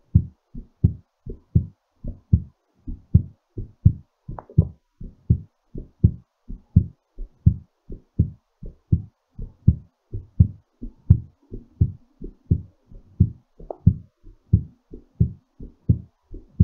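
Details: Normal heartbeat during recovery after exercise: steady, fairly quick, strong low heartbeats.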